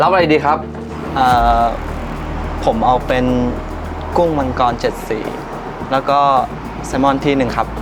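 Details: Adult man, acted scene; no speech disorder.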